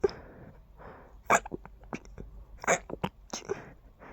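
A run of short, muffled, hissy bursts in quick succession, each held back and quiet: stifled sneezes.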